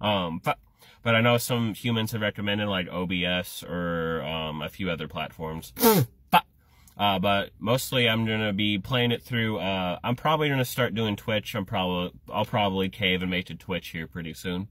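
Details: Adult male with Tourette syndrome, a stand-up comedian, speaking with vocal tics (Tourette syndrome).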